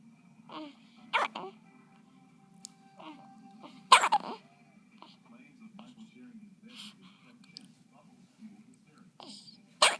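Brief squeaky catches recur every few seconds against soft background music. Newborn hiccups.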